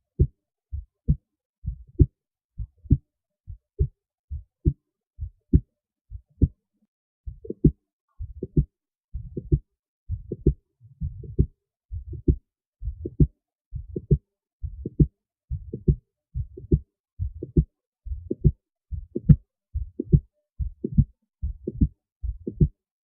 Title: Auscultation for Request ^^